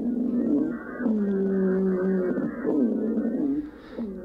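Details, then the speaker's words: Teaching example of a wheeze, not necessarily from an RSV or bronchiolitis patient: musical, whistling breath sounds on both inspiration and expiration from narrowed airways, with faint odd background noises; inspiratory and expiratory wheeze. "that's not necessarily a rsv patient or a bronchiolitis patient we're talking about here because that sounds like it's a inspiratory and expiratory wheeze that's that's a little bit what the wii sounds like"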